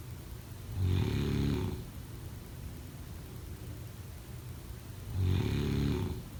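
Two loud rattling snores on breathing in, about four seconds apart, over steady room hiss; ordinary snoring during sleep.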